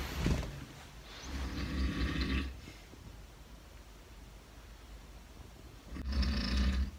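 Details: Loud, rough, rumbling snores in three bursts separated by quiet breathing pauses, from a teenager's father really sleeping at night, with faint room hiss: ordinary snoring.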